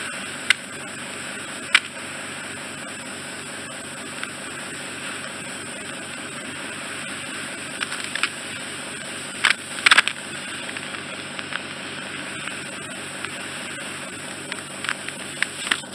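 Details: Steady high-pitched suction hiss with scattered sharp clicks and crackles as wax is suctioned off the eardrum of the first ear, during bilateral removal; skin contact makes a high-frequency squeal; routine microsuction ear wax removal.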